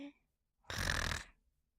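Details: Elmo and Abby, puppet characters in a children's TV show, sleeping: a single loud, rattling snore-snort with silence around it, performed rather than real; snoring.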